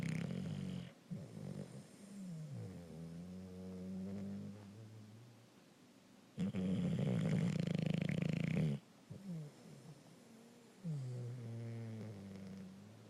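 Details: Bulldog snoring: long, loud, rumbling snores with wavering pitch on in- and out-breaths, a few seconds each.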